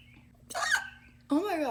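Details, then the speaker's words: Hiccups from a woman, each an unusual, shrill cry she likens to a pterodactyl. "y'all i literally have the weirdest hiccups ever they look they sound like a freaking pterodactyl like that noise it's a hiccup"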